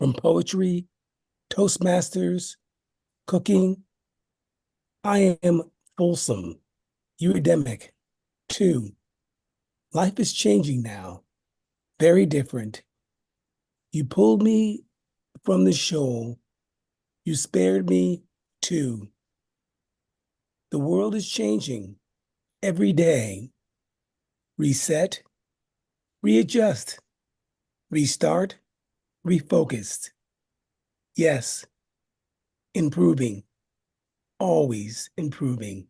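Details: Man with aphasia after a stroke reading his own poem aloud, with garbled, fragmented words; aphasia.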